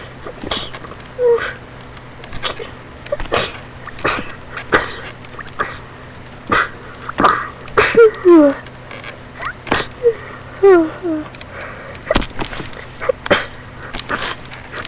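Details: Outdoors beside a tree, several short sharp sneezes, early ones held back and muffled, later let out fully, with background voices and birdsong; sneezing.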